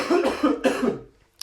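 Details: Cough from a podcast speaker who says they have a cold.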